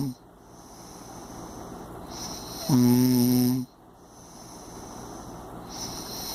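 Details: Impressive snoring: one loud, buzzing, steady-pitched snore lasting about a second over a steady high-pitched background hum.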